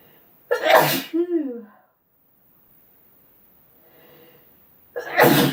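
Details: Loud sneeze with a vocal tail, a pause, then the start of another sneeze, from a sneezing compilation; ordinary repeated sneezing.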